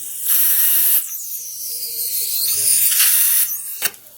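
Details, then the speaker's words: Implant motor set to 100 RPM, driving a dental implant into tooth site number 3 during guided surgery with a surgical guide: high-pitched whirring and ratcheting bursts, reaching 30 Ncm torque. "Right now I'm setting the implant motor to 100 RPMs for inserting the implant."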